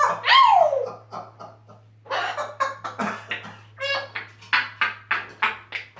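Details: African grey parrot said to have severe pneumonia: a long run of rapid, sharp, hacking cough-like bursts, about three to four per second, with a squawk at the start.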